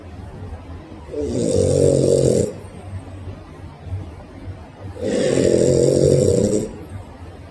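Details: Sleeping dog snoring: two loud, rough, fluttering snores about four seconds apart while it raises its paw mid-snore.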